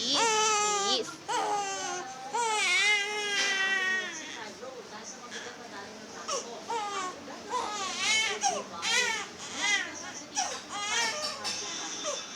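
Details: Infant boy at home after his 5-in-1 vaccine and RotaTeq: loud, sustained crying in long wailing bursts with sobbing catches.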